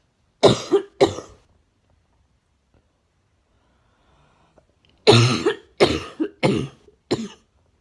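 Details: Six harsh coughs, two then four after a pause, with a wet, barking quality: a wet, barking cough.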